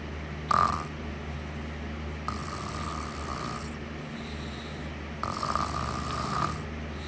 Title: Snoring sounds soothing